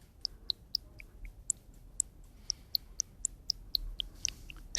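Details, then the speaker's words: Tinnitus sound therapy example played in a science segment: brief high tone pips at shifting pitches over a quiet background; tinnitus sound therapy stimulus. "Vamos a escuchar cuál sería eh cómo sonaría una terapia contra una acufe, ¿no? Sería esto."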